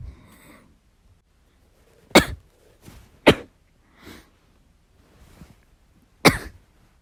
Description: I was playing the game while I was recuperating, but I was coughing so badly I couldn't do it well.